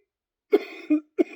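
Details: Productive cough during a shoulder workout with push presses, with wheezing from mucus in the airway or upper lungs.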